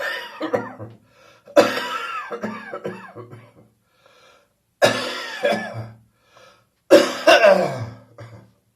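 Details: A residual post-bronchitis coughing fit shortly after getting up in the morning: four loud bursts of wet, rattly, productive coughing with pauses between, bringing up phlegm.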